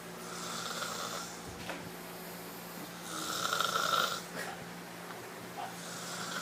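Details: Person snoring, recorded on an iPhone: two long, rough, hissing breath sounds, one on the out-breath, over steady low room hum; ordinary snoring.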